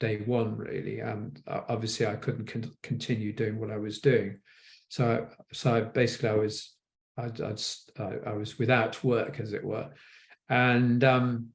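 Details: An adult man with aphasia after a stroke; aphasia.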